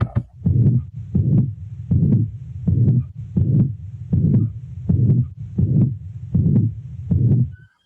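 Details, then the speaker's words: Mitral regurgitation: regular heart cycles with a long, low, bar-shaped murmur filling systole and rising slightly toward its end, plus an accentuated second heart sound attributed to raised pulmonary pressure. "el segundo ruido es más intenso el segundo ruido más intenso en este caso también depende de él y pulmonar porque al haber reflujo hacia la aurícula izquierda aumenta las tensiones"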